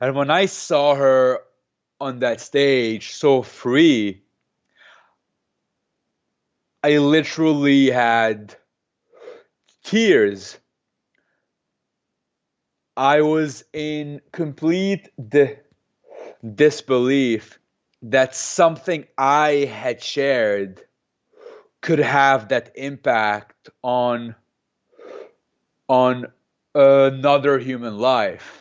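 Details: Adult man who has stuttered since age 2 or 3, speaking in an interview and using a McGuire programme breathing technique to control it; stuttering.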